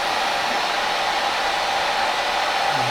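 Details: Mechanical insufflation-exsufflation with a Clearway cough assist machine via tracheostomy in a male patient recovering from a chest infection after complications of deep brain stimulation surgery; steady loud airflow hiss during positive-pressure insufflation.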